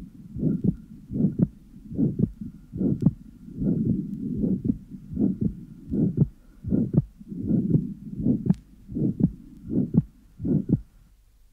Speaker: in atrial sepal defect because of the increased pulmonary flow P2 is delayed loud and may be virtually unaffected by respiration the next recording taken in natural respiration illustrates this widely split fixed second heart sound